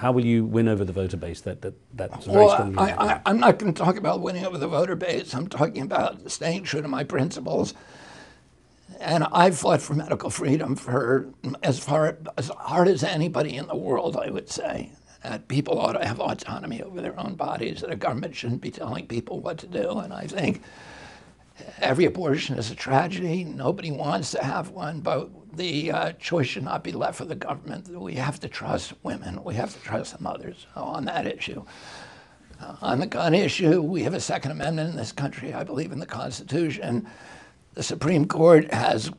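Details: Adult male with a very strong voice until age 42, then a neurological injury in 1996; he says his brain sends wrong signals to his vocal cords, not a vocal cord problem; spasmodic dysphonia.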